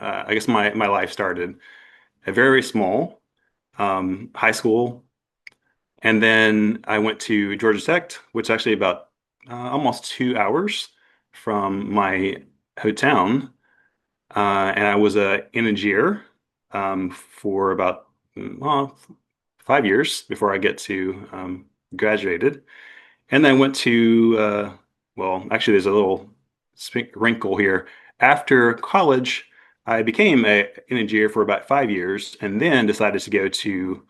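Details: Adult male attorney with aphasia and apraxia of speech after a stroke at age 41 with no warning; the aphasia began as global, then Broca's, and is now milder; he finds the apraxia worse.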